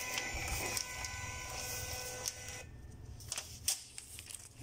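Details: Nihon Kohden Cardiolife defibrillator recorder printing: steady mechanical whirring of the thermal printer feeding paper, then stopping, followed by faint clicks.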